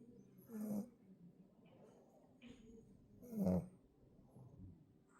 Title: Snoring Pug